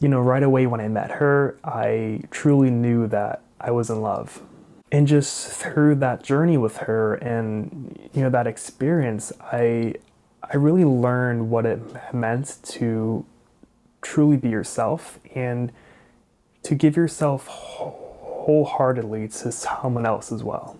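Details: Adult male person who stutters, a graduate student studying to become a speech-language pathologist; stuttering.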